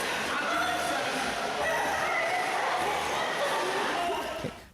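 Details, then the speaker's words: Inspiratory stridor from exercise-induced laryngeal obstruction in an athlete: harsh, high-pitched noisy breaths in as the larynx closes during exercise, causing distress and limiting airflow, amid loud room noise. "you can hear the noise that the individual is making when they're breathing in that is their larynx closing in as they're breathing in so that wheeze that noise is only the loudness closing in and that's causing distress up here"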